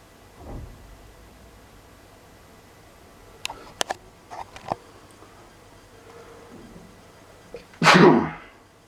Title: Heavy sneezes Like a Loud Mad Man